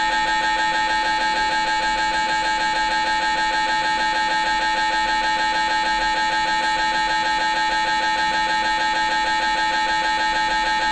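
Loud, steady, rapid mechanical buzzing and knocking at a fixed rhythm; normal gradient noise of an MRI scanner during a brain scan.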